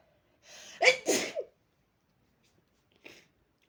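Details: A single sharp sneeze with a quick intake before it, slightly muffled, then a faint sniff, from a person sneezing into a fluffy pillow after burying their face in it until a tickle came; sneezing.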